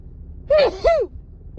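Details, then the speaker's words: Adult woman with a cold, after holding sneezes in all day: a voiced, rising 'ah' intake followed by a second voiced burst, a sneeze with its wind-up, amid repeated sneezing and a stuffy nose; sneeze. "huh oh sneeze again huh huh huh oh oh wow let me blow my nose oh God I have Giggles stuffed up now holding him in all day fall starts killing me oh"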